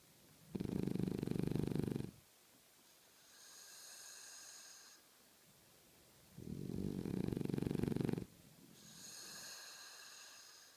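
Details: Callie: two loud, buzzing in-breath snores alternating with softer whistling out-breaths, about six breaths a minute; steady sleep snoring.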